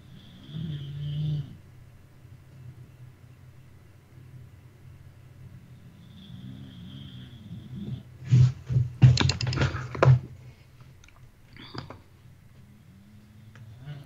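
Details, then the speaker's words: Female bulldog asleep across the room from the microphone: faint, low rumbling snores in a quiet room, broken by nearby keyboard clicks. "Oh, that's Brownie, my bulldog, snoring. I didn't. That's amazing. You guys could hear that. She's all the way across the room from my microphone."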